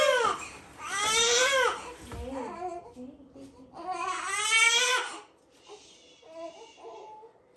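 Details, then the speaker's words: A two-week-old baby girl, hungry and waiting for her bottle to warm: two long, loud wailing cries with fussing between, then quieter whimpers; an ordinary hungry newborn cry. "we're going to go change that not record that because I literally didn't have time to but she was screaming bloody murder you were screaming but you're okay now"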